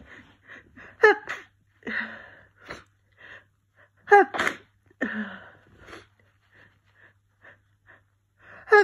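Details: Congested allergy sneezing while cat sitting, after an hour of sneezing: repeated explosive sneezes with sniffs and congested breaths between them.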